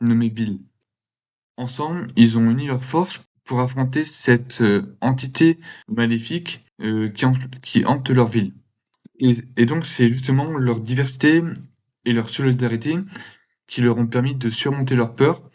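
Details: Male speaker who has stuttered since he began to speak; stuttering.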